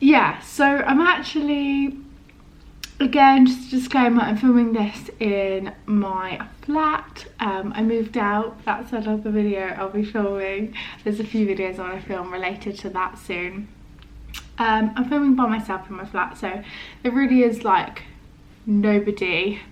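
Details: Adult woman with a stammer, described as mainly non-repetitive with prolonged words, blocks, occasional first-part word repetitions and body tension, reported as worse today due to stress; stuttering.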